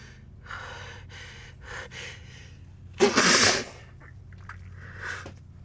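Several short catching inhaled gasps build up, then one loud wet sneeze burst and a quieter breath after; gasping inhalations of a sneeze buildup.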